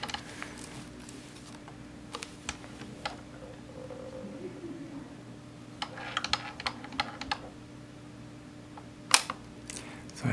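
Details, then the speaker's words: During YAG laser vitreolysis of an eye floater (a partial Weiss ring, "Weiss C"), scattered sharp clicks, some in quick runs, over a steady hum as the laser fires more slowly while hunting the remaining fragments; treatment about 95% complete. "now I'm just you noce I'm not firing as quickly I'm I'm trying to find pieces now really having trouble finding stuff"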